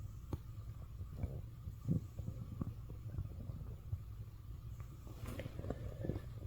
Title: morning stomach growls【turn your volume up】